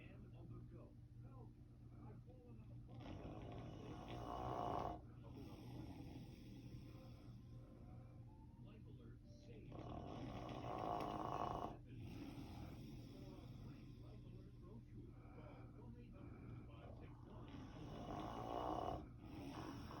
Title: He sleeps with one eye open and snores!!😂😂